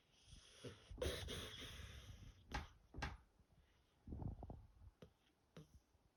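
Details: Sleeping dog snoring: irregular snorting, rattling breaths with short nasal snorts between quieter pauses.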